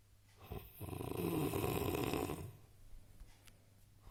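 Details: Man snoring heavily: one loud, rough, vibrating snore on breathing in lasting nearly two seconds, then quiet breathing out; snoring.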